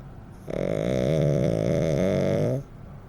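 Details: Snoring in a blind foster dog: one loud, long, rattling snore lasting about two seconds with a coarse vibrating tone throughout; he snores in different ways.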